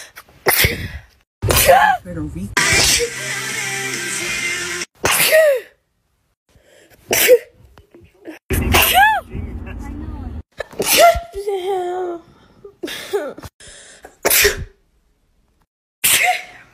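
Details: Run of sharp, explosive sneezes in quick succession from a person, with brief music and talk between; compilation of repeated sneezing.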